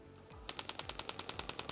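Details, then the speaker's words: Radial shockwave therapy on the left wrist muscles of an office worker with left wrist pain, given after 1,700 focused shots and starting on thicker muscle: a brief low hum, then steady sharp tapping pulses at about ten per second. "요 같은 경우에는 집중형이랑 다르게 조금 더 툭툭 치는 느낌이 나실 거예요. 그래서 시작할 때 환자분이 놀라시지 않게 좀 근육층이 좀 두꺼운 부분부터 시작을 합니다.요"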